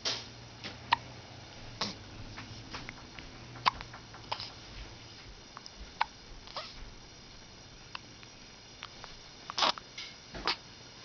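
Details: Hiccups; brief, sharp gulping clicks repeating irregularly, about eight in eleven seconds, in a quiet room.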